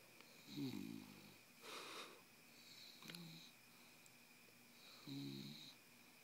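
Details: Bulldog snoring while wide awake: repeated low rattling snorts with a whistling edge on each breath.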